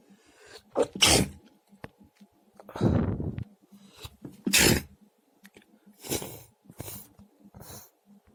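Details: Run of about five sharp, explosive sneezes of varying force and pitch, some preceded by a quick breath in; repeated sneezing.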